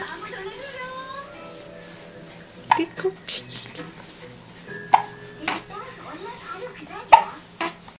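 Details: A newborn gives several sharp, brief hiccups at irregular intervals right after a bath, with soft music and voices behind.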